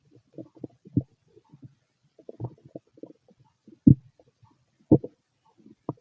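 Irregular low gurgles and rumbles from the belly, ordinary bowel sounds of digestion.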